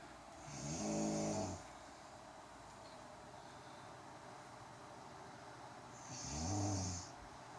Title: My girlfriend snoring just listen